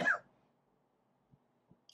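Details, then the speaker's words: Coughing from an adult who says he is still coughing, heard while he is talking. "hear i'm still coughing i do apologize ahead of time for any coughing that you might be annoyed by i can't really do much about it to be honest with you"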